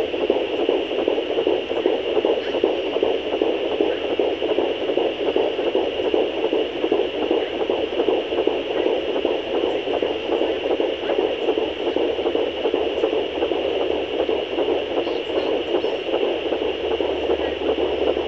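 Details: Fetal heartbeat at 13 weeks of pregnancy, heard on a fetal Doppler: rapid, rhythmic whooshing pulses at about 150 a minute, normal for early pregnancy.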